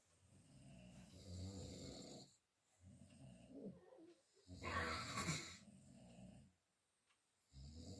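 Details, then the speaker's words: Loud, deep, rumbling snores with each breath, short silences between and one louder harsher snore, from a sleeping adult man (brother-in-law) at night around 1 a.m., likened to a bullfrog croaking. "শুনতে পেলে এই জন্যই আমার ঘুম ধরেনি আমি এখনো জেগে আছি মনে হচ্ছে যেন কোলা ব্যাঙ ডাকছে"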